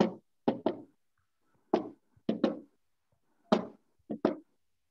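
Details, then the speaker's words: Knocked triple rhythm imitating a fourth heart sound (S4, atrial gallop), "Kentucky" cadence: an extra beat just before the usual first and second heart sounds; a simulated teaching demonstration, not a real recording. "okay so the the fourth heart sound is what you hear there and then the usual first and second heart sound will follow"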